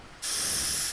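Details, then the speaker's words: Sudden steady loud hiss after a brief quiet moment: a dental simulator's three-way syringe pressed for air and water together, in a dental school skills lab tutorial. "kalau diinjak yang ini namanya threeway yang gambar yang ditanam dia angin yang di kiri air Hai jadi dear tekan dua-duanya"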